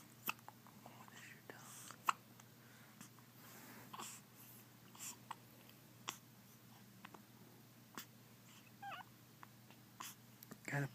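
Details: 5-day-old newborn with hiccups: soft, brief catches recur about every second or two, roughly 40 to 50 a minute, over quiet room hum; newborn hiccups.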